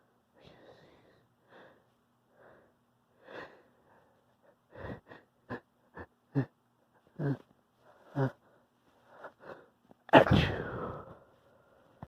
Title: variety sneezes